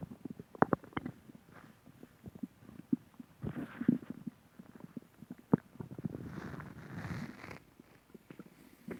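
Irregular low gurgles and rumbles of varying length with faint background noise; stomach growling, the ordinary sound of gas and fluid moving through the gut.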